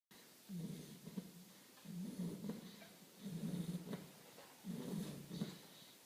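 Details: A sleeping bull terrier puppy snores: low, rumbling, fluttery snores, four in about six seconds (around 40 a minute), with quiet room noise between.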